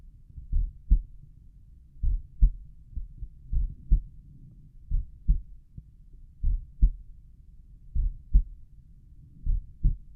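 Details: Regular paired lub-dub heart sounds at roughly 40 beats a minute, auscultated at the tricuspid area; normal heart sounds with slow resting heartbeat, recording quality below usual.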